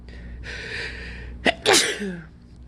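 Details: Allergy sneezing fit, described as harsh sneezing: a drawn-in breath, then a sharp explosive sneeze with a short voiced trailing sound.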